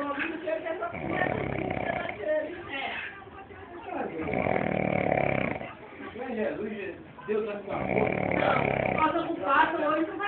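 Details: Three long, rough, low snoring breaths in about ten seconds, roughly one every three to four seconds, from a person napping; afterward someone remarks the person snores too much. Loud snoring.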